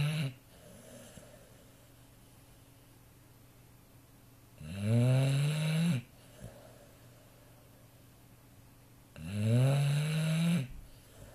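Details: 18-month-old female Neapolitan mastiff x American bulldog snoring in sleep: loud, low, thunderous rattling snores on each breath, about 13 a minute, with quiet pauses between.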